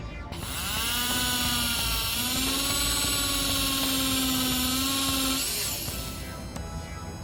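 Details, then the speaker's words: Steady high-pitched drill whine lasting several seconds, rising slightly in pitch, as a trephine bur cuts bone to harvest autogenous graft for an implant site on a training model. "So you can see we've collected enough bone. You can use this bone to graft your implant site."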